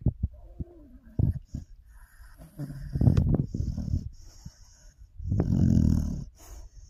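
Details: A sleeping pit bull makes low, rattling snores on slow breaths, with soft snuffles and faint clicks between them; this is ordinary snoring.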